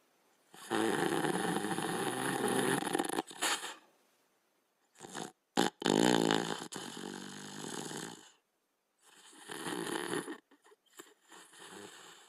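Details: Sleeping Border Collie: harsh, rattling breathing noises in irregular bursts with gaps; dog snoring.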